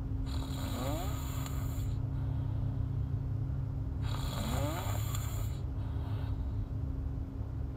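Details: Snoring in a sleeping girl: two loud, rattling, buzzing inhalations about four seconds apart, roughly 15 breaths a minute, over a steady low hum.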